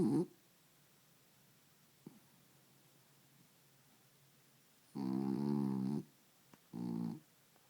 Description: My dog snoring